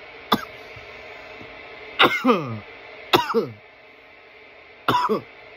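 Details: Coughing fit after inhaling smoke from a bong: four harsh coughing bursts, some with a strained, rising throaty tail.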